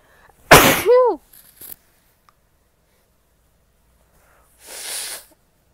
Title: Cold sneezes and Noseblows